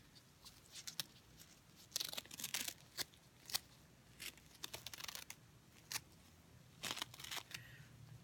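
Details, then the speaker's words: Soft intermittent tearing and crinkling as medical tape is gently peeled from the skin at the start of a wet-to-damp dressing change, in a demonstration on a family member. "now we're gonna do a wet too damp dressing changed same procedure has applies this time is going to be a depth again we're gonna gently remove the tape from the skin"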